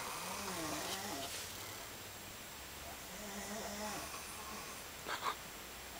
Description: Just more snoring from sethy and sam..